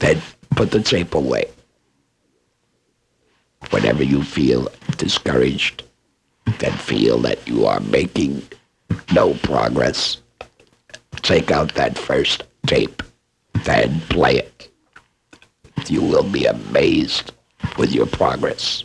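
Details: Adult man after laryngectomy, himself a speech pathologist, speaking with esophageal speech produced by injecting air into the esophagus.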